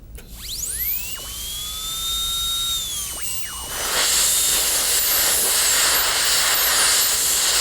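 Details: High-pitched whine of a dental high-speed handpiece with a diamond bur, dropping in pitch and harsher as it cuts a maxillary canine for a metal-ceramic (PFM) crown prep: a cervical depth cut about 1.25 mm.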